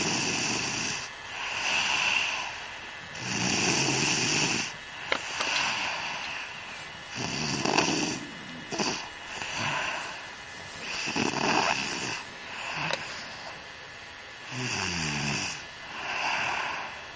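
Loud, rough snoring breaths come in a steady rhythm, about 17 a minute, with some snorting. It is ordinary snoring.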